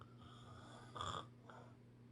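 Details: Snoring: one brief, rough inward snore of about a quarter second over a steady low room hum.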